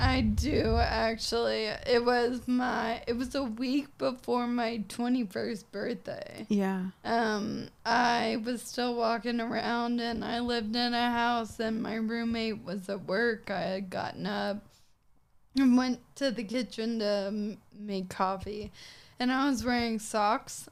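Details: 26-year-old woman with Friedreich's ataxia, a progressive genetic disease of the nervous system affecting her coordination, speaking in a real interview; ataxic dysarthria (Friedreich's ataxia).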